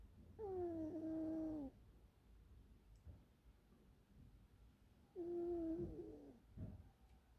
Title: Little snores